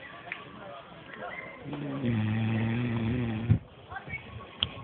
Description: snoring at a picnic at abbott woods